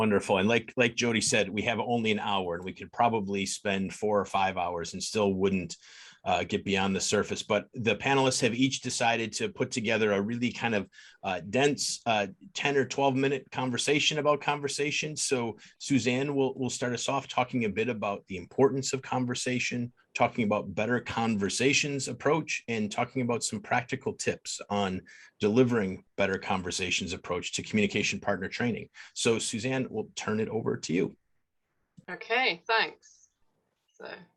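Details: Adult man speaking; typical speech.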